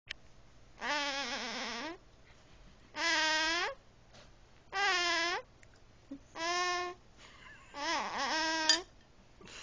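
Five wailing infant cries separated by brief pauses for breath, in a quiet room.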